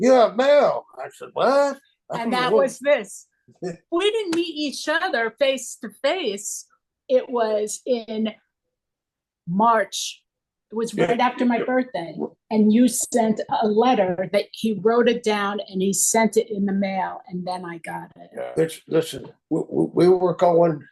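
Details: Aphasia from stroke in an adult female former art therapist, 24 years after the stroke; chronic post-stroke aphasia.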